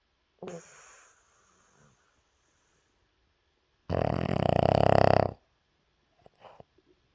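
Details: Tired puppy sleeping after a rough day of playing, snoring like a freight train: a loud, rattling snore on one breath, preceded by a softer breath and followed by quiet snuffles.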